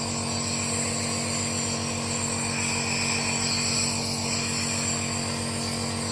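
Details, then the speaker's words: Home ventilator used as a morning routine for airway clearance, running about 20 minutes at most: steady mechanical hum with rapid regular pulsing. "I probably there for 20 minutes maximum because I've got to start getting ready for my radio station on my radio interview with a semi Kings later one today so I just need to make sure that my Airways is nice and clear man"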